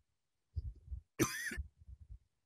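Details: Example dry cough from COVID-19 cough-detection research: a single abrupt, harsh, non-productive cough burst with no rattle, cited with a dry-to-wet power ratio of about 17.5 versus about 1.2 for a wet cough.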